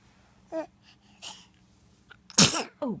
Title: Sneezing and talking